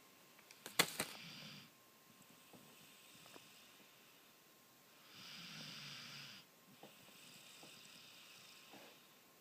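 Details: Two soft, hissing, rattling breaths a few seconds apart in a quiet room with a faint steady tone behind: light snoring.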